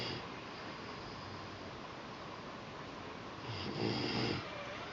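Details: Child, 2 weeks after a second supraglottoplasty: the usual stridor has been replaced by a deeper, low, rough snoring breath sound over a steady hiss, with a louder coarse noisy breath near the end.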